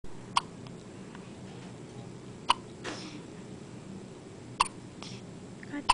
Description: baby with hiccups, and bonus sneezes